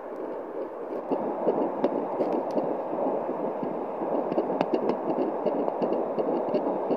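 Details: Home fetal Doppler at 11 weeks pregnant, probe placed above the pubic bone; rapid whooshing pulses about 165 a minute, roughly twice an adult's rate: fetal heartbeat.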